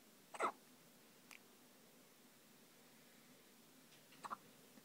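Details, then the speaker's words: Newborn baby boy in hospital, nearly 24 hours old, with hiccups: two short, sharp catching sounds, one early and a double one near the end, in a quiet room. "Baby's got hiccups and he's nearly 24 hours old."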